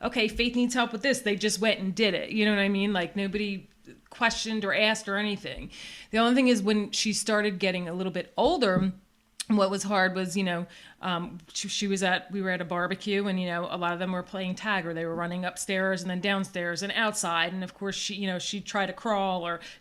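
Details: Adult woman speaking; typical speech.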